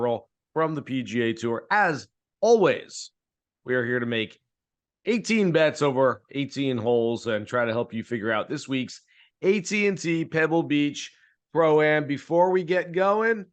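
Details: Adult man speaking; Normal adult speech.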